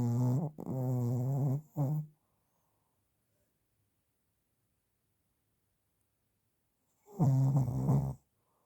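Loud, buzzing, vibrating snores on the in-breath, about five seconds apart with silence between: heavy snoring.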